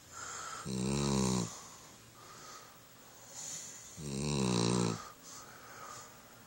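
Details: Sleeping dog snoring: two loud, buzzing snores with softer whistling breaths between them; ordinary snoring.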